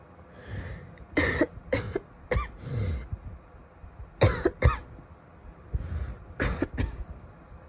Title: coughing (f)